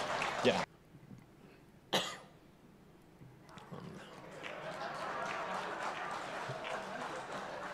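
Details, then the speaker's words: Adult male president deliberately coughing twice into a microphone during a speech, in jest, followed by audience laughter and applause; voluntary cough. "Pada momen menarik saat Presiden berpidato membuka rekornas sengaja batuk untuk membalas pernyataan ketua umum PBB"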